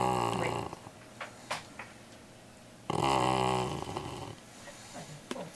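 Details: Black Labrador puppy sleeping at the office: two long, rough, throaty snores separated by a quiet pause, faint room noise.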